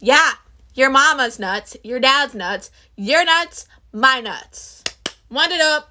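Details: Person with Tourette syndrome; the utterance appears to be vocal tics, possibly whistling; vocal tics (Tourette syndrome)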